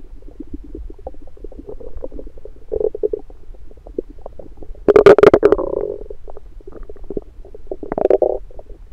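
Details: Electronic stethoscope on the abdomen after breakfast: frequent bubbling gurgles with a few louder, longer rumbles, which are active bowel sounds after a meal.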